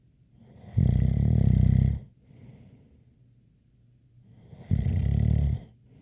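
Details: Loud rattling snores on each breath in, about 15 a minute, with a faint light whistle on the breath out.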